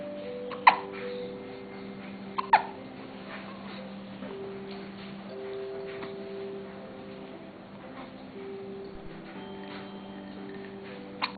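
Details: Hiccups: a few brief, sharp hiccup catches over soft background music, sounding like infant hiccups.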